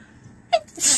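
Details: A single sneeze from a member of the K-pop group OH MY GIRL: a brief voiced burst, then a sharp hissing rush of air, the typical two-part sound of an adult sneeze.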